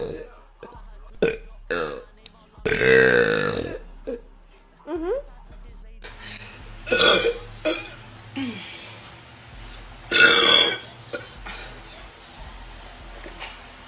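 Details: Woman burping deliberately: a series of loud belches of varying length over soft background music; burping.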